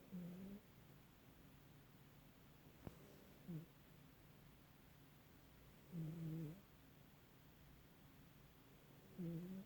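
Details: Old sleeping cat snoring with quiet, low, buzzing snores about every three seconds, roughly 18 to 20 breaths a minute, over faint room hiss.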